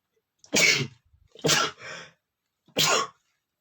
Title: sneezing male #20 (POWERFUL AND STIFLIED SNEEZING!!)